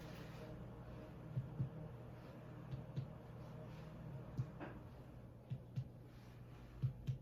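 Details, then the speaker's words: Abdominal percussion during a health assessment: paired taps over the abdomen, mostly hollow tympany with dullness in some places, a normal finding. "okay so I heard timpani and most of the places in some places it was dull"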